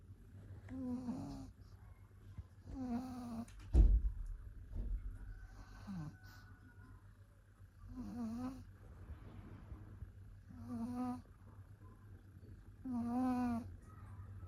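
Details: Pug snoring while sleeping: rhythmic throaty snores with a nasal whistle, about five in fourteen seconds, from a flat-faced dog; low room hum behind.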